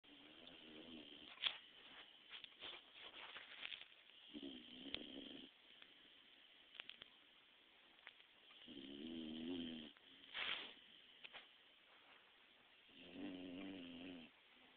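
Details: 3-month-old pitbull puppy napping: soft, buzzing, fluttering snores recurring every few seconds, with light rustling between them; snoring.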